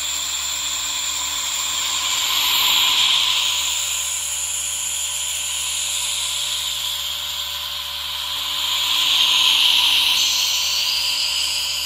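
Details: Nebulizer running alongside a humidifier, recorded as a relaxation ASMR track: a gentle steady hum from the nebulizer with the subtle misting of the humidifier.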